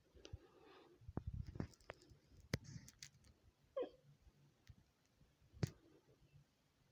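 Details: Woman's hiccups, a collage of recorded episodes: several short, abrupt gulping clicks at irregular intervals in a quiet room; hiccups.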